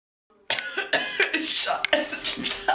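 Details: Rapid run of harsh, voiced cough bursts close together, a coughing attack in an adult college student, possibly triggered by laughing.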